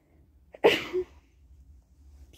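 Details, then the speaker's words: Single sharp explosive sneeze with brief lead-in breath and short voiced tail, in a quiet room, from someone who feels horrible with a cold, possibly flu. "i got a cold but i can't really tell if it's a cold it might actually be the flu because i feel i feel horrible"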